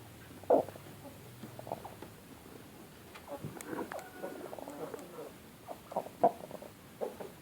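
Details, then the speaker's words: A chicken with severe snoring (ngorok), possible causes cold, CRD, avian influenza or cholera: short rattling, snoring respiratory rales and soft clucks against a quiet coop background. "Kedengaran ya suaranya? Ya, itu ngorok parah ini. Semoga nggak menular ke teman-temannya."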